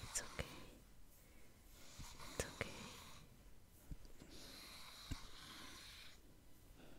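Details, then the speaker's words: Golden retriever puppy with random hiccups that resolve on their own in under a minute. "sometimes puppies get the hiccups very randomly, but usually it'll just go away on its own after, in less than like a minute."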